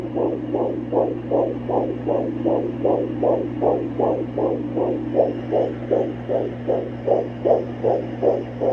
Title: Fetal Heartbeat with Doppler ❤ Almost 17 Weeks Pregnant